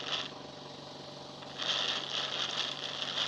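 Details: Steady hissing, airy hum from a medical suction machine that grows louder as it runs at high pressure, with adjustable pressure, for suctioning by mouth or nose; faint room noise.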